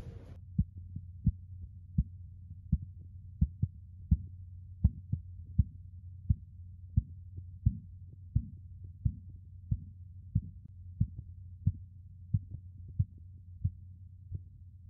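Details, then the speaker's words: Blood pressure taken by the auscultatory method, with the stethoscope diaphragm over the brachial artery and a loudspeaker stethoscope, gives regular soft tapping pulses at about 86 a minute over a low hum. These are Korotkoff sounds; the reading was 120/80 mmHg. "while examining the oscillatory method we can hear various qualities of sound this is called as quarter cup sound when the sound disappear that is known as systolic disappear is diastolic"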